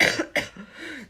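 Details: Adult with a three-week cough, ENT-diagnosed as viral tracheal cough, with swollen throat and sputum: two quick, harsh coughs in succession.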